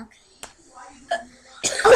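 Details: Hiccups in a person who says they have been hiccuping for a long time, while a friend tries cures such as scaring them: two short, abrupt throat sounds amid quiet room noise, then a loud burst.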